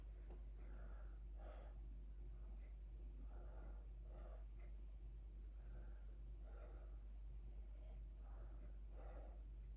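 Soft, even airflow sounds of an adult breathing in and out through the mouth; normal breathing.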